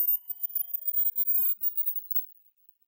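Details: Pulsed high tones sweeping downward in pitch, then fading out: a hearing test sweep where on-screen ear-age numbers drop from 85, and the point where the tone stops being heard marks hearing range.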